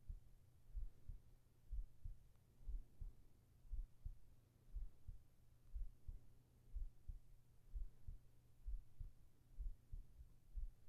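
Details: Steady, soft, low double thumps at about 60 beats a minute over a faint low hum, from a heartbeat recording made for sleep and relaxation ASMR with whispering: a regular normal heartbeat.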